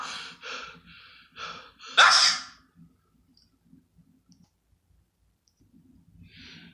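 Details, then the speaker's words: Acted "contagious" sneeze: a few quick 'ah' build-up breaths, then one loud sneeze burst followed by quiet breathing. "yeah you cuz every time you sneeze we all sneeze"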